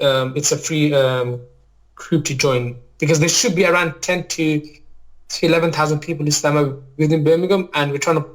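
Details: Adult maths teacher, real, with a lifelong stammer, mainly blocking type on certain words or sounds, worse when nervous; finding: stammering (stuttering).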